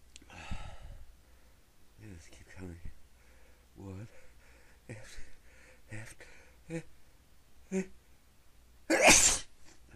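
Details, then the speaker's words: Person trying to stifle sneezes: a run of about eight stifled, squeaky sneezes in quick succession, ending in one loud open sneeze; stifling failed, repeated sneezing. "Trying to stop. She's probably gonna hold it up. Oh man, I can't stop. Sneeze."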